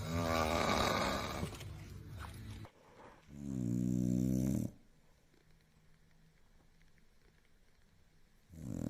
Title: Hardcore Snore